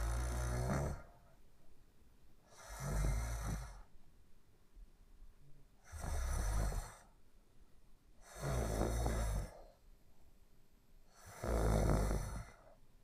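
Regular rumbling snores on each breath in, about five in thirteen seconds, roughly 22 breaths a minute, with quiet pauses between.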